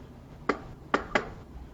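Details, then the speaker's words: Imitated S3 gallop in a nursing exam lecture, linked to heart failure with tachycardia: three sharp taps, the third coming soon after the second, like a horse galloping. S3 gallop. "1, 2, 3, very fast, no? And it sounds like a horse running, galloping. And that's why it's called S3 gallop."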